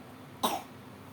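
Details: A baby girl with a common cold gives a single short, soft cough.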